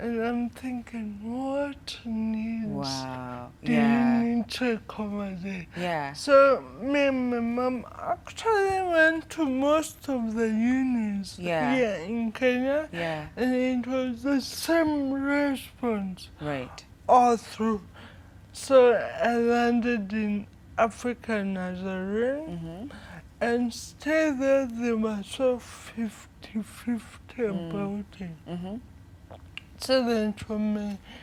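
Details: Dysarthria in a 25-year-old woman with cerebral palsy from brain damage due to lack of oxygen at birth during prolonged labour, affecting leg and hand movement, coordination and speech.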